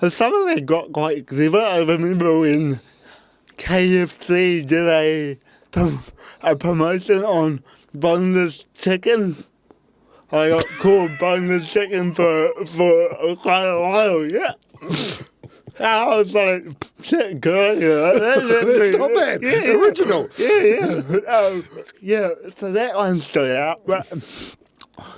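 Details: Dysarthria in a real adult man with cerebral palsy from birth; his parents were told at birth he would likely never walk or talk, and he had an intensive therapy programme in early childhood.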